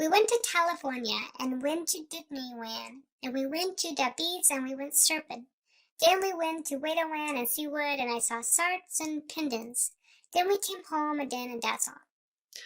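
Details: Example of a child with a phonological disorder: many speech sound errors, very hard to understand, with deleted sounds and distorted sounds, attributed to not understanding the rules of sounds; phonological disorder.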